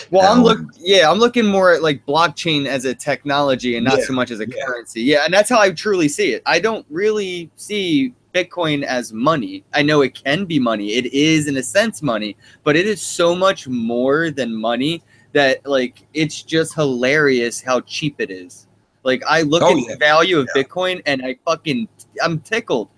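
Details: Adult male speaker; normal speech.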